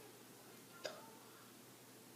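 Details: A single short, sharp voiced gulp from a young boy, one of two boys both with hiccups, against quiet room noise: a hiccup.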